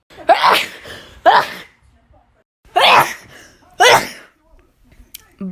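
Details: Four forceful sneezes from a sneezing compilation, each with a sharp intake and a loud expulsive burst, in a quiet room.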